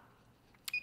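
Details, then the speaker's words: Simulated training demo of a CME BodyGuard 121 multi-channel infusion pump: a brief click and a short high electronic keypad beep as Stop is pressed to turn off channel 2, which is infusing dopamine. "if I hit that arrow key I know I'm on the one side I hit it again now I'm on the 2 side so I simply just say stop"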